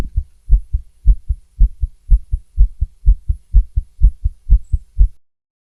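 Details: Rapid paired female heart sounds through a stethoscope at about 120 a minute, described as fast with some skips, though skipped beats are hard to pick out; tachycardia.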